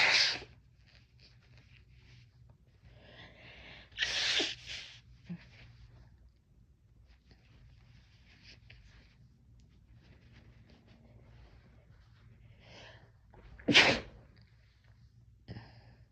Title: Chhinkni Sneezes